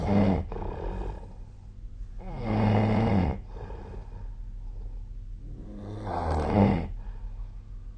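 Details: Adult snoring recorded with a snore-tracking app (SnoreLab): deep, rumbling, rattling snores about every three to four seconds with a low vibrating buzz on each breath; loud snoring.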